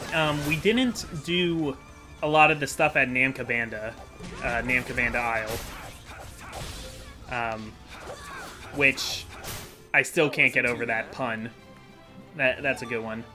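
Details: Adult who says he stutters a lot and has a speech impediment, worse when making things up on the spot, in unscripted commentary; stuttering.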